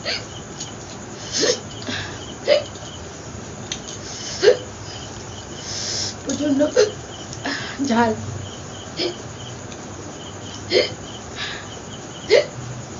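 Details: Sustained bout of about ten short, sharp hiccups at irregular one-to-two-second intervals over background hiss, during a long-duration hiccup challenge in a Bengali vlog.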